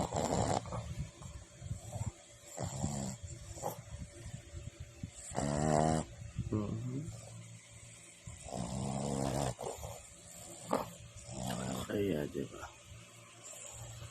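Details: Boston terrier named Boss snoring: repeated loud, fluttering snores on each in-breath, some rough and rumbling, others whistling, in a quiet room.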